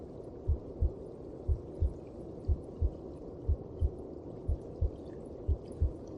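Steady paired low thumps at about 60 a minute under a constant whooshing rumble: a mother's heartbeat heard from inside the womb.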